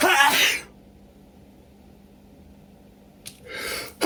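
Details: Two forceful sneezes separated by a quiet pause, sharp breath before the second; sneezing fit during a cold with sniffling all day, nose irritated after a shower and pulling a thick sweater out of the closet.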